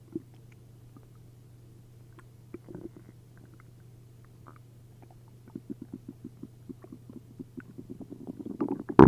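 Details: After drinking a liter of milk and a liter of prune juice, the belly gives frequent loud gurgles and bubbling pops, coming faster toward the end, with much liquid moving: hyperactive bowel sounds (borborygmi).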